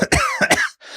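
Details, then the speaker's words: Adult man with a lingering cold and hoarse voice gives a quick run of three or four short, harsh, partly voiced coughs ending in a brief breath; cough. "excuse me that's not for a dramatic effect I've got a this cold that I just can't kick ever since I got back from Chicago so if I sound weird or cough forgive me"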